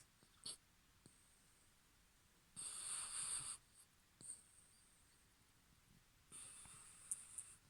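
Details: A dog named Toby snoring while asleep at the end of the owner's bed at night: two long, hissing, snore-like breaths separated by quiet pauses.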